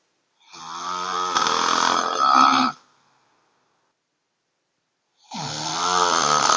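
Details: Woman who snores fairly often, recorded by her sister at home: two loud, rough, rattling breaths, each two to three seconds, separated by a silent pause; heavy snoring.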